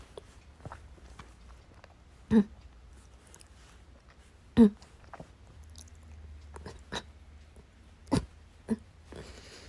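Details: Coughing fit in a hospital waiting room that would not stop after trying hard to hold it in: several sharp, separate cough bursts spaced over a few seconds; a run of coughing.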